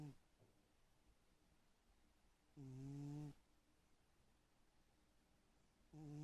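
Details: Sleeping cat snoring: soft, buzzing, tonal snores repeating at long intervals in a quiet room; snoring.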